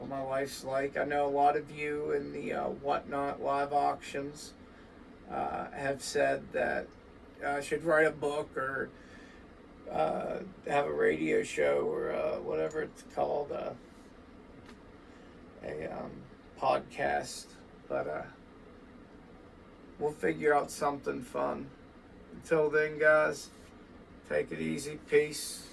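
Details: Adult man with vascular Ehlers-Danlos syndrome, which he says causes his voice, alongside muscle overgrowth from lack of myostatin, weakened tendons and ligaments, and constant dislocations; creaky, rough voicing, voice change.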